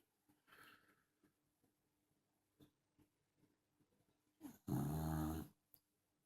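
Quiet breathing noises, then one loud, buzzing snore; a dog snoring in sleep.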